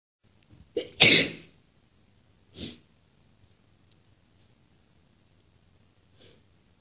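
A short in-breath, then one loud explosive sneeze followed by two softer sneeze-like bursts in a quiet room.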